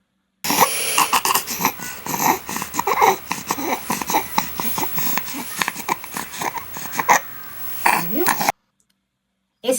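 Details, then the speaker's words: Infant with grade three (severe) laryngomalacia: rapid, noisy, high-pitched crowing breaths of inspiratory stridor. "Então escuta aí uns minutinhos para você identificar como é a condição de um bebê que tem laringomalácia de grau três e que sim. precisa de uma avaliação precisa e talvez cirúrgica."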